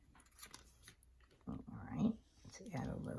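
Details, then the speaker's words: Dog (Roger) with allergies snoring in the background: two rough, rumbling snorts from a resting dog over faint room clicks. Snoring. "sorry if you can hear Roger snoring in the background as I've told you before he has allergies so he tends to snort"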